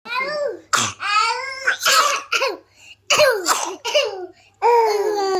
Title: baby coughing and cooing